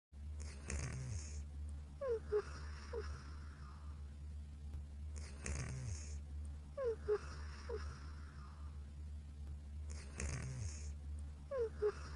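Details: Sleeping and snoring: slow, regular snores about 13 a minute, each a rough noisy inhalation with faint squeaky whistles, over a steady low room hum.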